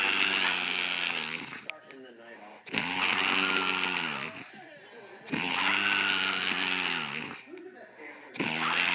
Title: Girl Snores LOUD